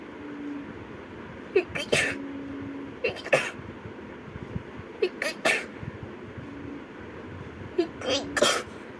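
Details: Four sharp sneezes in a row, each with a brief inhaled lead-in, from several girls, over a steady background hum: rapid sneezing.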